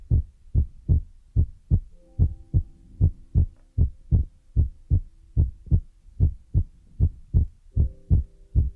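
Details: ASMR relaxation recording with a heartbeat trigger among feather, brush and ear-massage sounds, from a Chinese young woman: strong, regular heartbeat thumps at about 74 per minute with faint tonal ringing behind.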